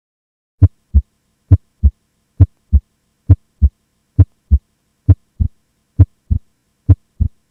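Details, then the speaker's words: Normal physiologic splitting of S2 during inspiration into aortic (A2) and pulmonic (P2) components: regular lub-dub heart sounds at about 67 a minute, with the second sound splitting in some beats. "here's a schematic of the normal heart sounds including the splining of S2 during inspiration you can see that the individual components of S2 are named A2 for the sound originating from the aortic valve and P2 for the sound originating from the pulmonic valve take a listen"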